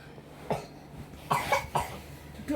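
Four short, harsh coughs at irregular intervals from a child in a quiet room: an ordinary cough of a sick child.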